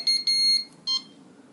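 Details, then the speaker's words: CADD Prizm infusion pump powering up after correct battery insertion and door closed: shrill electronic beeps signalling the power-up self-check is complete. "slide the door back in place and it'll turn on and go through a power up procedure it'll be plowed Lee when it's done just like that"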